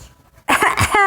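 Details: Young child deliberately fake coughing: a brief, forced voluntary cough after a short quiet moment.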